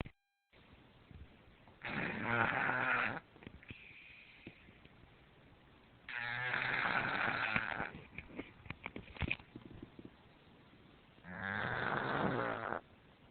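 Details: Kirby, a pet cat, snoring for unknown reasons: three long, rough, rattling snores at slow intervals, about five breaths a minute, with quiet pauses between; snoring in a sleeping cat.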